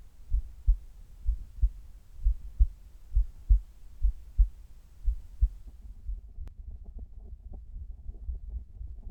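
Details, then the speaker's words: Heart sounds of a man recorded at rest and then during sit-ups, which grew very hard toward the end; clear paired lub-dub about 70 a minute, later blurred by movement and rustling noise. "最後の方はだいぶきつかったですが、いい心音が取れたんじゃないでしょうか。"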